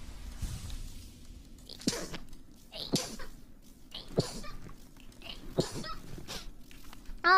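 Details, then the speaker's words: An adult woman sneezes four times in quick succession, each a sharp burst with a brief intake between, then says she just had to let the sneezes out. "There we go. Just had to let the sneezes out."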